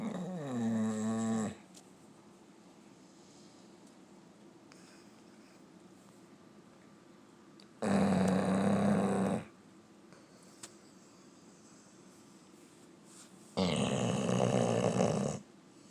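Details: Dog snoring beside a paralyzed man: three loud, rough, rumbling snores, each one to two seconds long and about six seconds apart, with quiet between them.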